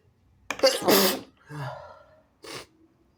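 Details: Person (he/they) with a ticklish nose: sharp intake of breath, then a loud wet sneeze, followed by a sniff and a short exhale.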